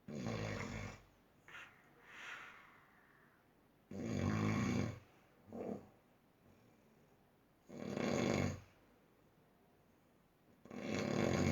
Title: Snoring at its height